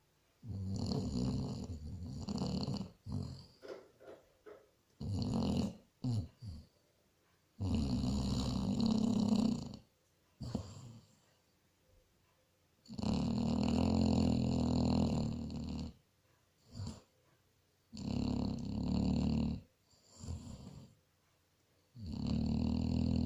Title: SNORING BASSET HOUND